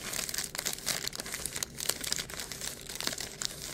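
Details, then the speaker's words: Simulated pleural friction rub made by rubbing a receipt together: dry, crinkling, scratchy bursts imitating the creaking, grating, sandpaper-like sound of inflamed pleura. "plural friction rub is characterized by creaking groaning grating it sounds like sandpaper scratching here here's what it sounds like ready"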